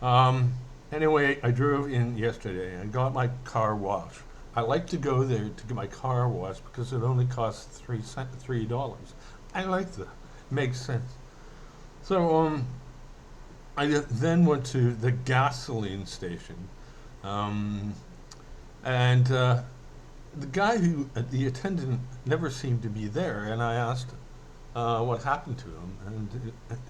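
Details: Adult male reporting a slight speech impediment and a possible brain hemorrhage (transcribed 'brain hammer'), who says he mainly stutters when emotional, speaking emotionally here; mild stuttering.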